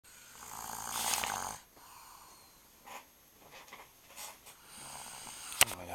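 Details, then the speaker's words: A male sleeper's loud, hissing, whistling nasal snore on a breath in, followed by softer snuffling breaths; snoring. "gotta listen to this shit. I hear that shit, man. It's a fucking truck."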